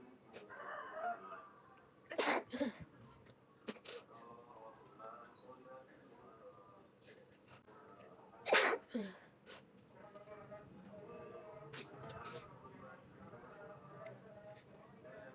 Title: Sneezing girl while about to take selfie, struggle with her nose. She's about to catch a cold.